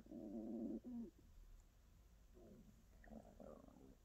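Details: ASMR recording of a hungry stomach: low gurgling rumbles in short bursts, one louder growl then softer grumbles; normal bowel sounds (borborygmi, stomach growling).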